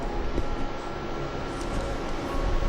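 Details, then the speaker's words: A fertility-clinic ultrasound Doppler at about 9 weeks of pregnancy gives a rapid, rumbling whoosh of the fetal heartbeat; a normal early heartbeat. "Heart beat వినిపిస్తుందా మీకు? Nice."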